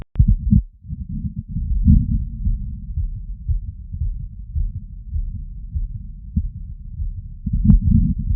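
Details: Stethoscope auscultation of the heart after physical workload: deep, muffled, rapid heartbeat thuds under heavy rubbing noise; fast heartbeat after exertion.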